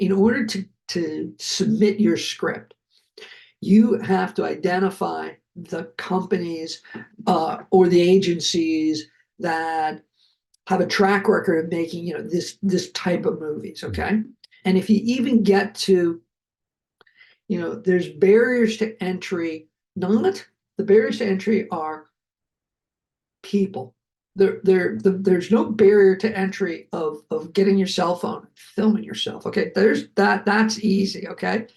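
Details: Adult man who survived a heart attack and has aphasia, speaking just after noting his aphasia was kicking in; aphasia.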